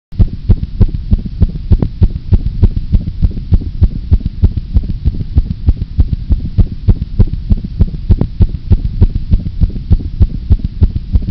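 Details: A cat heartbeat sound effect: fast, regular, low thumping at about 200 beats a minute, within the normal cat range of 140 to 220 beats a minute.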